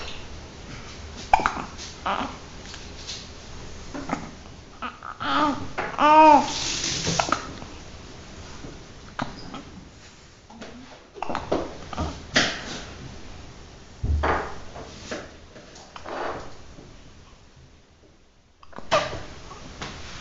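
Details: Repeated short, abrupt gulping hiccup sounds between infant babbling and vocal noises in a small room; hiccups.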